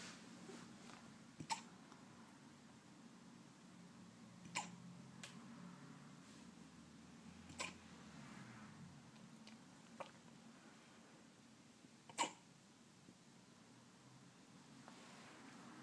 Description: My 13 week old Leonberger puppy has hiccups.